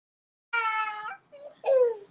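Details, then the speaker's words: Brief crying of an infant girl in the background of a recorded conversation while her mother talks: a sustained wail, a short whimper, then a falling second cry. "well I was gonna say thank you all you hear the baby crying in the background but thank you all for sharing space with me"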